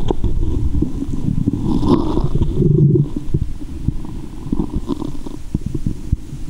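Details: Loud, low gurgling and rumbling with sloshing, heard through a stethoscope at a woman's belly button after she ate candy and drank fizzy soda: active bowel sounds (borborygmi) in a staged ASMR recording.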